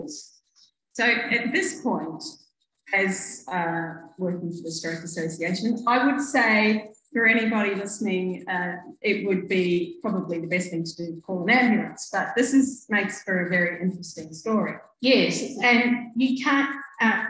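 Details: Adult woman; typical speech.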